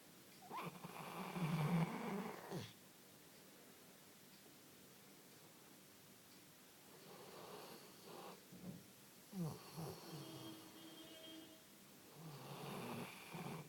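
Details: Cupid snoring in the morning while asleep beside the recorder: low, rattling snores with quiet gaps between breaths in a still room.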